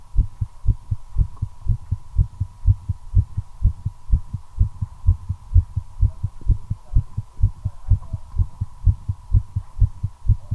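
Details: Own heartbeat recorded while smoking a cigarette, accelerating from nicotine: fast, regular thudding at roughly 125 beats a minute over a steady hum; tachycardia.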